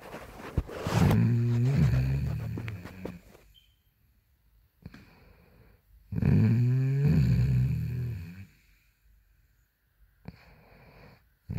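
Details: Woman asleep: two long, loud, rough snores with a fluttering low rattle, about 6 seconds apart, with quiet pauses between; heavy snoring in sleep.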